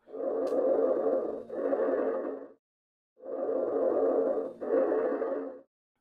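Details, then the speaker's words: Loud, harsh, hollow, high-pitched breath sounds with a short gap between inspiration and expiration, heard over the trachea and larynx while the patient breathes normally: normal bronchial breath sounds. "are high and loud and are heard over the trachea and larynx"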